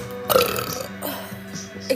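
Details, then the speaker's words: Girl on a live stream, drinking a carbonated drink and repeatedly burping: a loud, drawn-out belch over background music. Burping. "can't stop burping I'm drinking carbonation"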